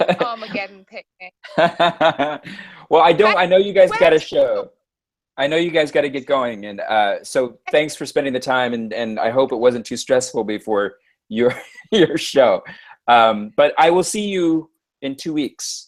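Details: Adult man speaking; ordinary speech.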